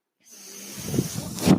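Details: Mechanical ventilator breath cycle from the podcaster's own ventilator, heard while he talks.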